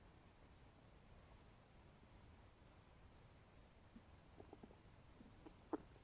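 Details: After eating a bagel, stomach makes noises: quiet low hum, then a few soft gurgles and short pops building toward the end; ordinary post-meal bowel sounds (borborygmi).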